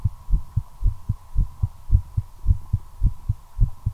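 Regular low heartbeat thumps at about 107 a minute with a steady hum behind; fast heart rate after smoking, a nicotine effect.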